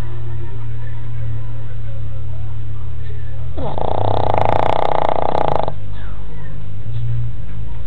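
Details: Sleeping dog, which the owner says sleeps about 22 hours a day: a loud, rough snore lasting about two seconds over a steady low rumble; heavy snoring.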